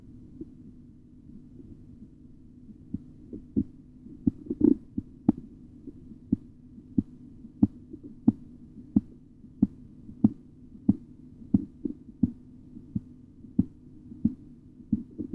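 Sharp rhythmic tapping sounds emerge from a low hum as the cuff deflates, the Korotkoff sounds of blood pressure measurement.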